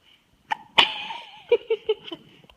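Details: Baby girl sneezing: a brief inward catch, then a sharp explosive burst, followed by a few small trailing squeaks; a single sneeze.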